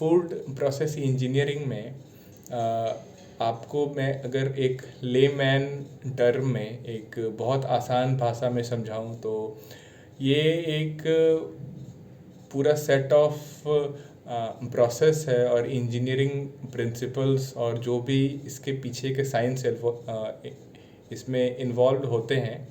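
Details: Adult male speaker; stuttering.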